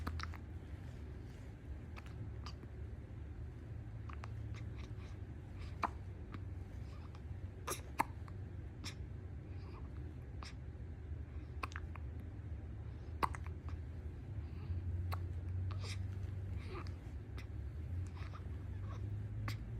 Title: New Born Baby Hiccups